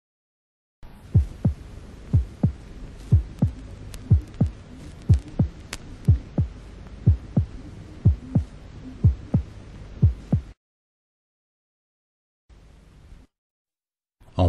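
Regular heartbeat near 60 a minute with a soft second sound and a low rumbling murmur filling the gap between first and second sounds: aortic stenosis murmur.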